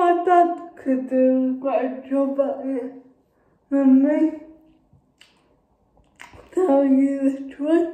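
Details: Adult woman with cerebral palsy speaking. Finding: dysarthric speech (cerebral palsy).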